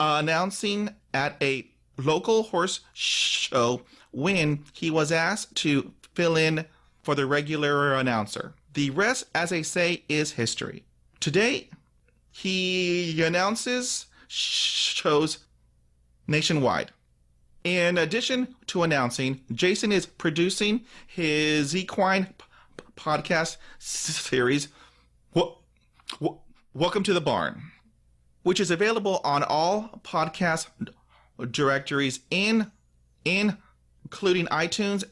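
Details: Adult man who stutters, audible repetitions and part-word repetitions; stuttering.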